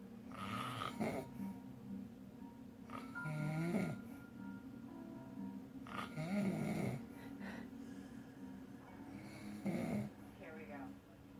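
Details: Sleeping adult boyfriend with a "funky" snore: irregular snoring with whistling and snorting tones, roughly every three seconds, over faint background noise.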